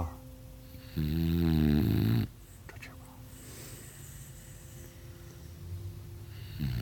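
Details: Snoring: one loud, low, rattling snore lasting about a second, then quieter breathing over a steady background hum.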